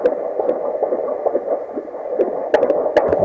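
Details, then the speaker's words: Rapid whooshing fetal heartbeat at about 140 a minute with some scraping, heard by Doppler at a home prenatal visit among Old-Order Amish in northern Indiana, in the mother's bedroom. "i take their blood pressure and then if we have blood work we'll do that and then we go into their bedroom and we listen for the heartbeat"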